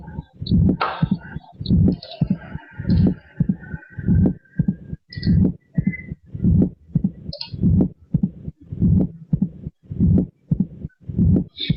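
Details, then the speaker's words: Regular heartbeat about 50 a minute; reinforced first sound, early diastolic opening snap of the mitral valve after the second sound, then a low diastolic rumble: mitral stenosis. "ese es el reposo preso histórico que corresponde pues al soplo diastólico del estenosis mitral"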